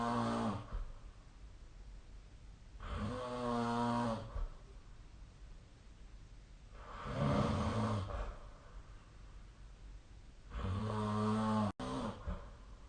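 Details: Habitual snoring during sleep, recorded with the SnoreLab app on 2025/04/08: slow, regular, rumbling snores on each breath in, about sixteen a minute, with quiet breathing out between.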